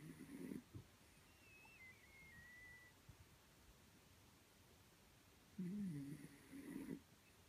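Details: Miniature Dachshund in deep sleep, lightly snoring with short, soft, low snorting breaths separated by quiet pauses.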